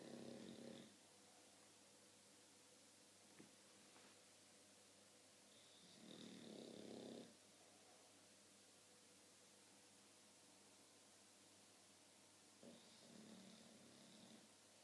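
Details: English bulldog asleep, snoring and dreaming: three soft, rough snoring breaths about six seconds apart in a quiet room, a slow sleep breathing rhythm. Snoring.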